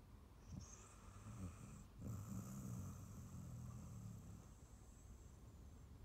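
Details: Female Staffy Ridgeback rescue dog, born 2012, asleep on a sofa after a long walk and big meal: low rumbling snores with snorting breaths and faint twitchy dream noises; ordinary sleep snoring.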